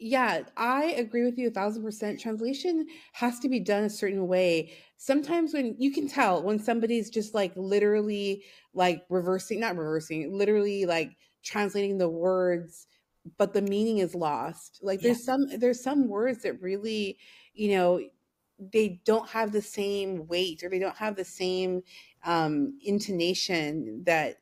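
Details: Adult woman speaking; normal speech.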